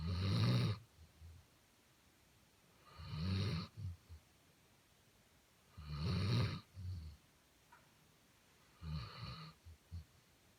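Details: Basset Hound snoring: deep, rattling snores on each breath, about 20 breaths a minute, with soft snorts between them; steady snoring during sleep.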